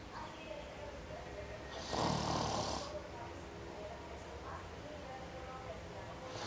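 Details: Heavy snorer: a single harsh, rattling snore about a second long above steady room noise.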